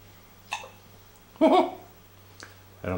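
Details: A few short, abrupt voiced gulps about a second apart over low room hum: a person with the hiccups.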